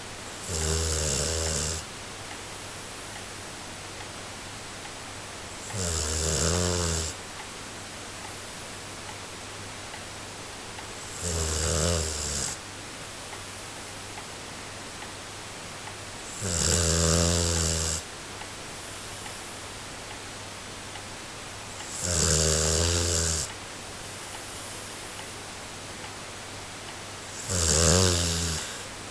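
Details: 5-month-old Golden Retriever puppy in deep sleep: loud, regular snores about 11 a minute with quiet gaps between.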